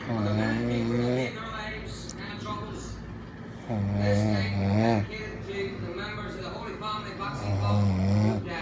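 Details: Very tired adult boyfriend snoring very loudly: deep, rattling snores on each breath in, about 16 a minute, with quieter breathing between; heavy snoring.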